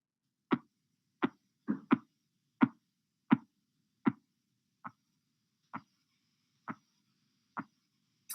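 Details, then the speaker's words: Blood pressure measurement, cuff deflated about 2 mmHg per second. Regular tapping pulse sounds, about 86 a minute, grow fainter and more muffled near diastolic pressure: Korotkoff sounds, phases 3 and 4. "Phase 3 and 4 sounds are muted changes in the tapping sounds that occur as the pressure measurement approaches the diastolic pressure, usually within 10 millimeters of mercury of true diastolic pressure."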